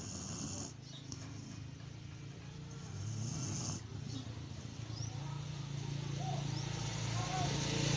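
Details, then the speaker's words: Pet dog snoring loudly in sleep: loud, continuous low rumbling snore with steady background noise; snoring. "Wow, ang lakas humilik."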